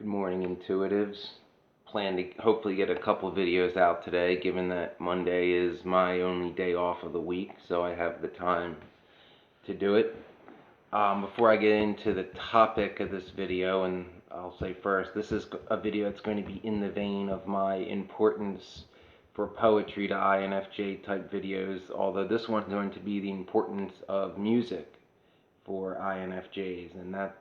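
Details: Adult woman whose voice changed after laryngitis in 2009, unable to sing for over a decade since; dysphonia.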